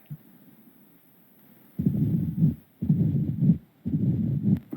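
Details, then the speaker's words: Mitral stenosis diastolic filling rumble at the mitral focus, described as low-pitched, rumbling and decrescendo, with an opening snap that may not be audible: a low rumbling murmur recurring about once a second. "El soplo diastólico de llenado, vamos a ver que son mesosistólicos, graves, retumbantes, en decrescendo y se ausculta en el foco mitral. Quiero que lo escuchen."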